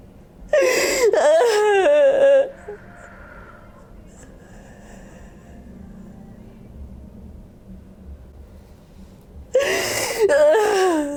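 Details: During a hands-on fascia healing session with chiropractic adjustment, the patient lies on her side and makes two loud bursts of sharp inhaled gasps with moaning and a wavering voice, separated by quiet room noise.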